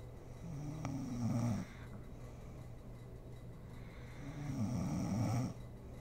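Soft, rattling snores on two breaths about four seconds apart, with faint room hiss; ordinary sleep snoring.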